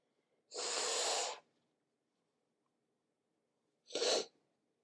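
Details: Morning sneezing in a person sniffly from cooler weather and not sick; some sneezes natural, some induced with tissue. Two sharp, explosive sneezes, one longer and one brief, in a quiet room.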